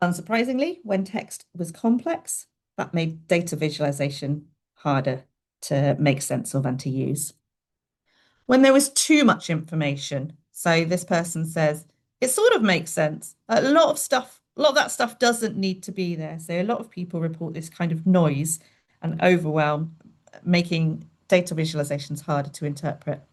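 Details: Adult woman speaking; normal speech.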